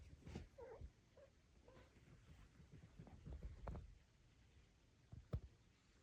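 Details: Sleeping puppy: soft, low snuffling breaths with a few faint squeaky whimpers; gentle snoring.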